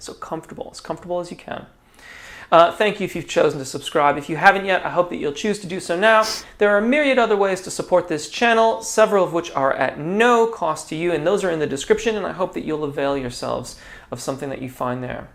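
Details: Adult male speaker; normal speaking voice.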